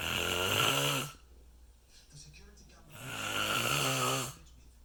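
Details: Man snoring during sleep: two long, loud, vibrating snores with a whistling, tonal edge, separated by a quiet pause, resuming just when he seems to have stopped; loud snoring.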